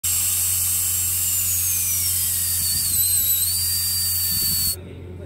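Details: Dental handpiece (drill) running in an operation test: a high-pitched whine with hiss, pitch sliding lower then steadying, stopping abruptly near five seconds.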